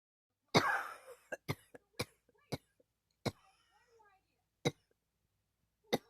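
A long harsh cough followed by a string of short, sharp coughs, about eight bursts in six seconds, with quiet pauses between them.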